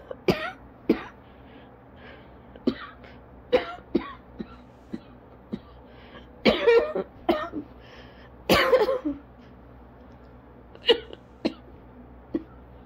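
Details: Person in asthma coughing fit lasting about 30 minutes, lightheaded and dizzy, struggling to breathe normally: about a dozen sharp, dry coughs in repeated bursts.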